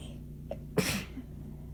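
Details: A short indrawn breath, then one forceful, harsh sneeze over a low background hum, from a short, rough, intensely itchy and painful sneezing fit; some sneezes came from the chest, with possible wheezing on exhales.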